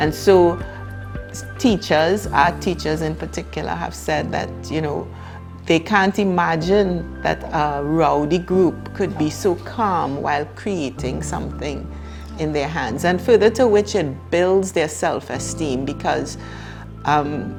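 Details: Adult woman; typical speech.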